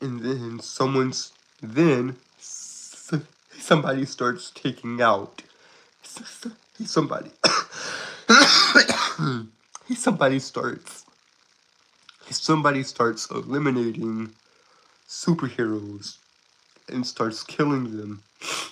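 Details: Stuttering in a 22-year-old male who calls himself a Southern stutterer with a speech impediment; he is currently sick and recovering.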